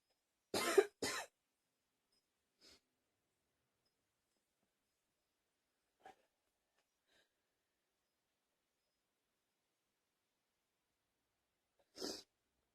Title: 10 minutes of coughing